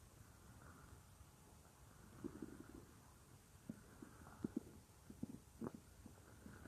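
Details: Real recording of a woman's own stomach, which she says sometimes gets loud, made for a roleplay: low gurgling, bubbling rumbles in short irregular bursts over quiet background; ordinary stomach growling (borborygmi).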